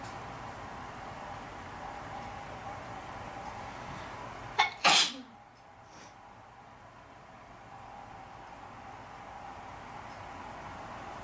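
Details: Induced sneeze: a quick catch of breath, then one sharp, loud sneeze against steady background hiss.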